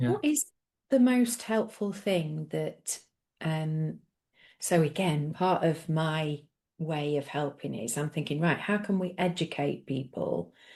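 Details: Adult woman speaking; normal speech.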